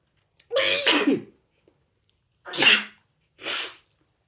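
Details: Sneezes while reading The Raven aloud: three in quick succession, the first loud and voiced, the next two shorter and breathier.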